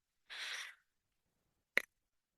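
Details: The speaker's own mechanical ventilator running in the background of a spoken recording: a half-second hiss of air followed by a sharp valve click, one ventilator cycle.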